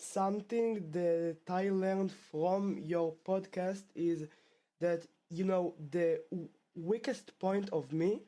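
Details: Stuttering in a male 12th-grade high school student from Israel who has stuttered since about age two; the stutter returned after two years of fluency.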